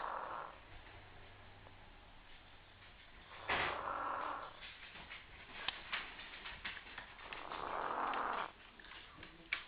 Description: Kessler sounds like a human when she sleeps. This time you could hear her from the other room!